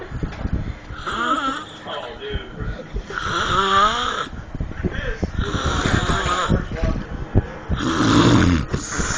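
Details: Person snoring in deep sleep: loud, coarse snores repeating about every two seconds over steady room noise.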